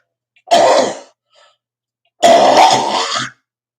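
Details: Smoker with clogged sinuses and a hoarse throat, who attributes the cough to postnasal drip aggravated by smoking: two harsh, throat-clearing coughs; cough due to postnasal drip.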